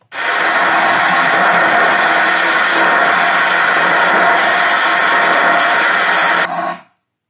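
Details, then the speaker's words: Microelectrode recording during deep brain stimulation surgery for movement disorders: thalamic cell in the ventral intermediate nucleus (Vim) responding to the patient voluntarily moving a limb; dense crackling rush of neuronal firing about seven seconds long. "the other thing that we can do and this is a patient with uh uh activity in the Vim is get response to the patient voluntarily moving their"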